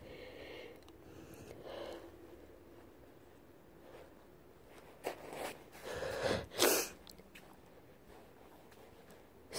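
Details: Snuffly breaths and sniffs build to a couple of sharp sneezes from a sick person, with faint room noise.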